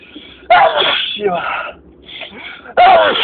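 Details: Two loud, explosive sneezes with a short breathy wind-up between them, part of a very long spring allergy sneezing fit.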